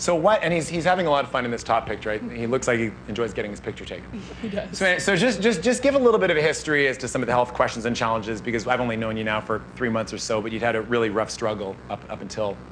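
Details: Adult male speaker; ordinary speech.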